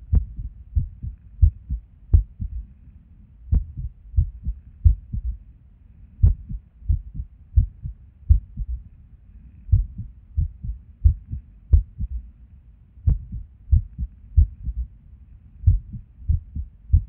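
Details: Irregular resting heartbeat with skipped beats, recorded at Erb's point while sitting at a desk; uneven spacing with occasional pauses where a beat seems to drop. The skipping occurs with and without apparent reason.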